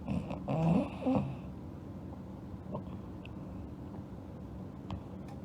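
One rough, snorting snore at the start, then quiet breathing and room noise.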